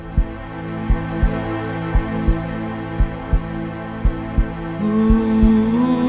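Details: Regular paired lub-dub thumps at about 57 beats a minute under slow, sustained epic music; heartbeat sound effect.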